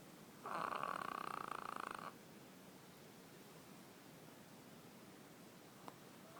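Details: French bulldog (female) snoring loudly enough to wake herself: one rattling snore under two seconds with fast fluttering vibration, then quiet room noise.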